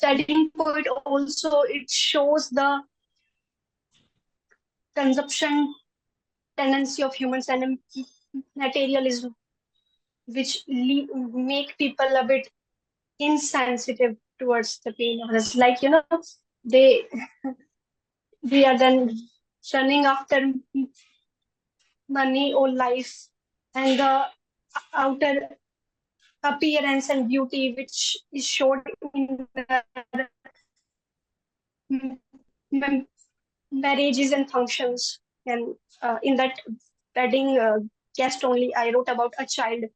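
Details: Stuttering in a 20-year-old woman who began stammering at about age 4, had speech therapy in class 10, and stammers more in public than with family.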